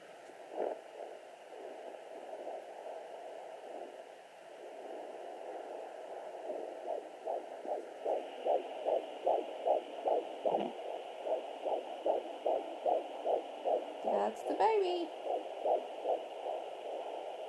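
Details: Fetal heart at 14 weeks pregnant, handheld 3 MHz pocket fetal Doppler on the mother's abdomen, rate recalled as probably 163 at clinic, fetus moving: fast, regular galloping whooshes about 150–160 a minute amid static and kick noise.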